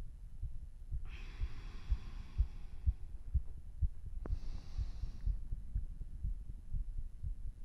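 Strong, fast low heart thumps at about 125 a minute with a couple of breaths. A normal quickened heartbeat after exercise.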